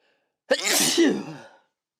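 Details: Adult's sneeze deliberately provoked and recorded in a sound-treated room: a single loud, explosive sneeze with a quick intake and a voiced burst.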